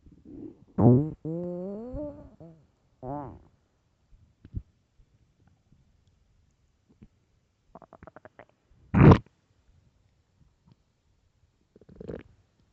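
Loud, long gurgling and rumbling stomach growls, some with a rising tonal whine, separated by quiet gaps; ordinary hunger-related bowel sounds.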